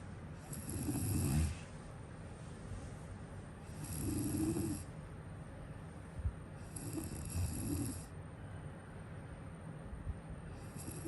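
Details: Soft, low snores about every three seconds, roughly 19 a minute, over steady room hiss; quiet sleep snoring.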